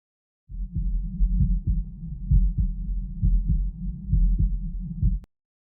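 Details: Normal heart sounds recorded with Eko CORE 500 and 3M Littmann CORE stethoscopes with background noise: regular paired heart thumps at about 66 a minute through steady low rumbling noise.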